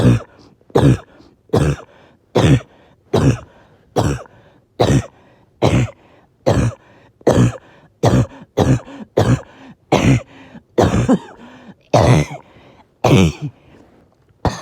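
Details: Evening coughing fit of loud harsh coughs, about eighteen in fifteen seconds with hardly a pause; oxygen levels were good all day, then breathing suddenly became hard.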